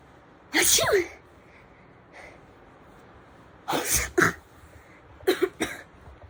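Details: Several loud, explosive sneezes, some in quick pairs, each a sharp burst of breath, showing how different people sneeze.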